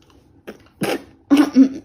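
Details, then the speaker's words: Young child coughing while an adult tells him to cover his mouth: about three short coughs, the last with a voiced, throaty tail; cough. "Batuk Pak haji Aduh Pak Haji Batuk Pak haji batuknya ditutup pak haji ditutup mulutnya Gimana kalau batuk"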